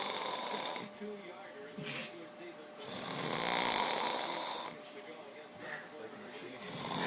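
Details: Man snoring: long, loud, harsh rasping snores on the in-breath alternating with quieter stretches, over a steady background hum; snoring.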